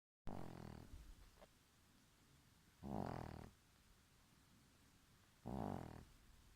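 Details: A sleeping mother Shih Tzu nursing her puppies gives three deep, rattling snores at roughly 20 a minute, with quiet between them; snoring.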